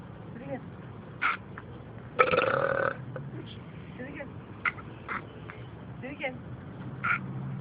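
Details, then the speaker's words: Person burping, accompanied by a fart: a loud, drawn-out burp of about a second among quieter voices and outdoor noise. "burp first that was a good one"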